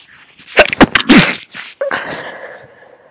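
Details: Stifled sneezes from an adult with a cold after the flu: several quick muffled bursts held in the throat and nose, then a breathy exhale.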